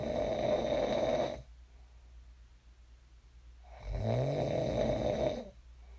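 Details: Sleep snoring recorded for ASMR: two long, rattling inspiratory snores about four seconds apart, with quiet breathing between; ordinary snoring in a sleeper who later woke up.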